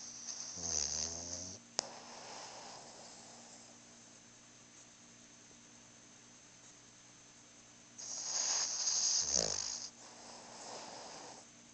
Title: Ginger snoring